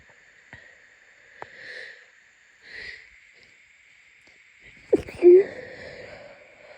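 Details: Muffled sniffs, then a sharp sneeze into a blanket, muffled to stay quiet, followed by a wet, congested nasal sound; sneezing fit during a first cold of the season.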